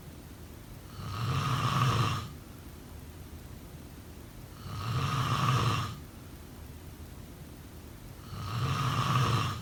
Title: Snoring sounds..